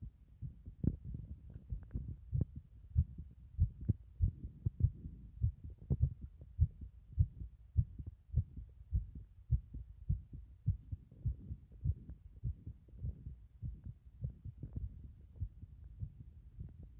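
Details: Heart sounds from a person with a caved-in chest wall: low, muffled, fairly regular heartbeat thumps at about 100 per minute.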